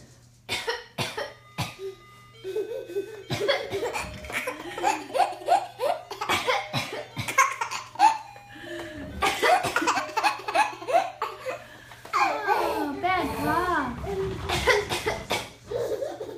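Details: An adult woman gives repeated short, deliberate voluntary coughs while her 8-month-old baby girl answers with bursts of laughter.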